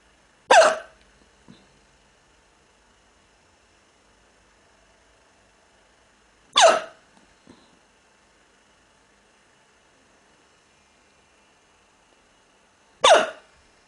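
Three sharp, abrupt hiccups about six seconds apart, roughly ten a minute, each followed by a faint softer catch, in a quiet room.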